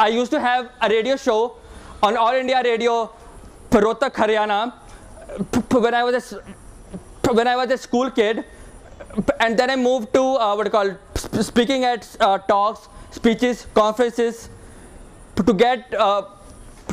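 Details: Speaker who describes themself as a person with stammering; stuttering.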